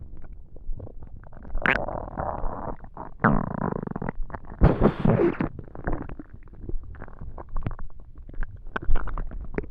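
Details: Stomach noises while trying to sleep on an empty tummy: gurgling, squeaky rumbles and low bubbling sounds coming and going, hunger borborygmi.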